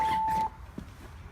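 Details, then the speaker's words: Training demonstration of a LUCAS mechanical CPR device: half-second electronic beep then quiet, the device pausing compressions so rescuers can give breaths with a bag valve mask; ventilation pause alert. "hear the pause now that we could give a restoration with our bag valve mask"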